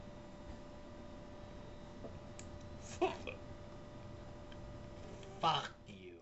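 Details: A woman with a bout of recurrent hiccups gives repeated sudden hiccup sounds.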